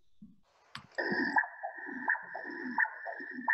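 Pulsing Doppler whoosh with sharp, brief peaks that fall off quickly, about 86 a minute; high-resistance external carotid artery flow signal.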